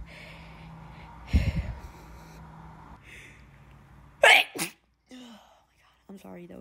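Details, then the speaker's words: Person allergic to dust sneezing after cleaning: two sharp sneezes a few seconds apart over a low room hum, with brief voice afterward; repeated sneezing. "So yeah, so now I feel better. I just can't stop sneezing."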